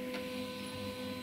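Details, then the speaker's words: Nidek 712 12-channel ECG machine in auto mode: steady mechanical whir with faint hum as its thermal printer runs out a 12-lead tracing. "so this is the auto mode suppose you want to take the print so you just have to press this button so once you press it the printer will start"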